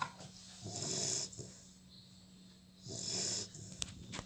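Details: Labrador puppy snoring while asleep: two slow, rattling, hissing breaths with quiet pauses between; snoring.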